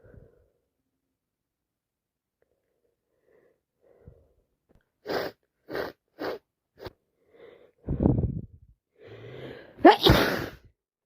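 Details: Repeated loud wet sneezes with quick sniffs and hitching breaths, about 6 sneezes a minute, in someone with a cold who feels very ill, constantly sneezing, hitching and blowing their nose.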